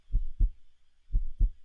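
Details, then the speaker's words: Normal human heartbeat: two steady lub-dub heartbeats at about 60 a minute, a regular and healthy rhythm. "it's so important that when you go for a check-up what's the first thing the doctor does they listen for the sound of your heartbeat to make sure that you're healthy"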